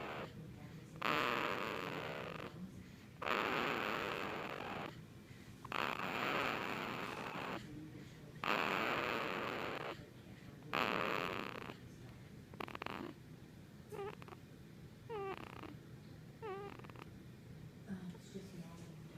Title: Not even a day old and already snores